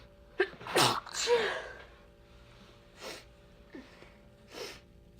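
A burst of sharp sneezes, then softer sneezes and snuffles trailing off in a quiet room.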